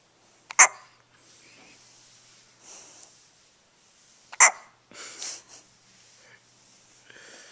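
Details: Drowsy pet falling asleep, filmed on a Flip Video camcorder: two sharp, brief hiccups about four seconds apart with soft breathing between; hiccups.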